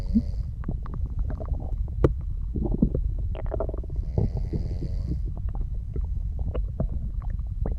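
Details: Bowel sounds.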